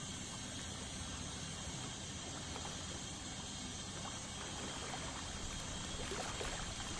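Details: Dental scaling at a dental clinic: an ultrasonic scaler removes tartar, with a steady high hiss and watery spray throughout; ultrasonic dental scaler with water spray.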